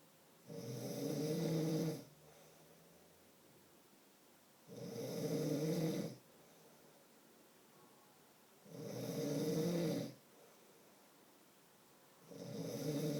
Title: My husband snoring